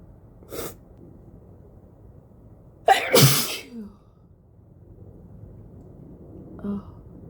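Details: Person with a cold sneezing: a soft lead-in breath, then a forceful, muffled sneeze with a short after-breath in a quiet room.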